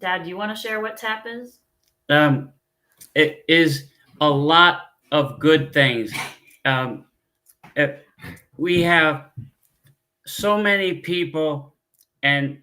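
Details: Adult man, former pilot, with aphasia from a stroke 15 years ago; he cannot read or write, uses a scooter and gets therapy on his arm; frequent fillers, pauses and word-finding difficulty; aphasia after stroke.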